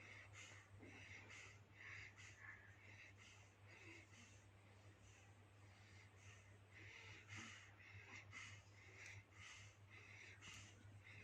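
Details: Rapid, squeaky, congested breaths about one a second from a newborn baby, over a steady low hum: noisy, wheezy newborn breathing.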